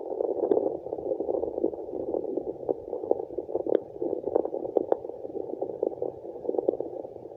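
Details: Steady muffled whooshing rush of placental blood flow through a handheld fetal Doppler, with scattered clicks and no clear heartbeat.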